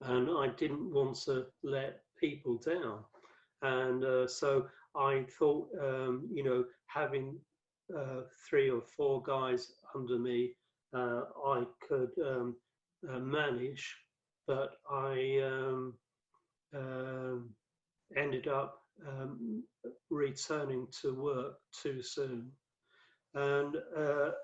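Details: Adult male with aphasia after a 2013 stroke that left him paralysed, one of five strokes (2007–2015), with cerebral amyloid angiopathy; mainly affects word fluency, worse when tired or stressed; also has reading and writing difficulty; aphasia.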